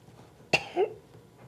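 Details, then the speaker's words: Sputum collection demonstration: after three or four deep slow breaths, the patient takes a full inhalation, then gives one sharp, forceful voluntary cough to expectorate sputum into a specimen cup. "then coach him to take a full inhalation followed immediately by a forceful cough expectorating the sputum directly into the specimen container"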